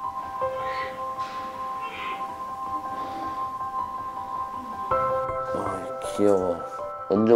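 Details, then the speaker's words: Newborn baby boy, 3.1 kg, just delivered, cries loudly in short wavering bursts, partly covered by soft chiming background music; newborn cry. "彼は本当に大声で泣いています。"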